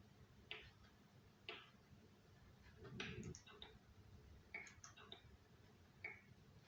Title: cracking knuckles